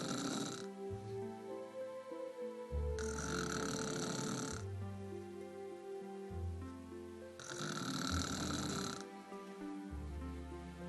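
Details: Adult woman (wife) snoring: two long, harsh snoring breaths about ten seconds apart, over a tuneful music backing.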